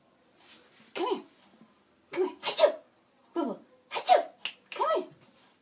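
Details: Yorkie dog sneezing on command: five quick, sharp, snorting bursts in close succession, repeated sneezes.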